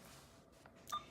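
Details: Alaris smart infusion pump being set for 0.9% normal saline: faint soft key clicks, then one short high electronic beep while the rate (100 mL/hr ordered) is entered.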